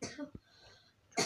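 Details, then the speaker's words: A child who says they are sick and losing their voice gives a short, abrupt cough at the end of a brief quiet stretch, then apologizes for coughing. "Biraz öksürüyorum da arkadaşlar. Özür dilerim."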